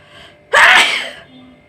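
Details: Sneezing challenge: a single sharp, explosive sneeze with a brief intake before it, set off on purpose by tickling the nose; sneeze.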